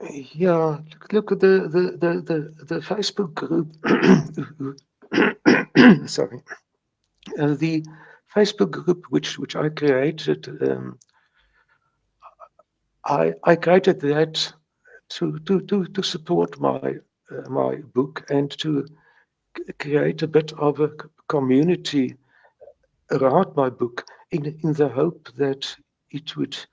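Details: Stuttering since age three in a retired South African lawyer in his 70s who still has mild speech blocks; this stretch has word and part-word repetitions: stuttering.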